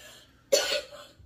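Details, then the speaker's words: Single short, harsh cough in a quiet room, in a household recovering from flu (adult or child coughing): isolated cough. "I'm sorry if you can hear me and him coughing we have been fighting the flu in my house but we're on the downward slope of it so hopefully it's all out of here soon"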